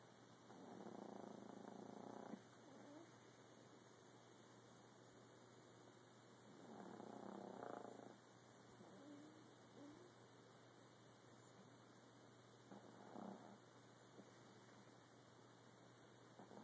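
Three long, rumbling, purr-like breaths over about 17 seconds, separated by quiet pauses, from a sleeping cat; ordinary snoring.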